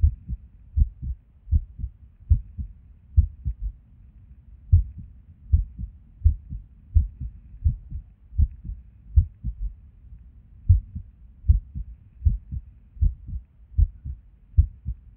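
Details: Resting heart sounds recorded at Erb's point while sitting at a desk, often skippy: low thumps near 78 a minute with uneven spacing and occasional pauses, an irregular heartbeat with skipped beats.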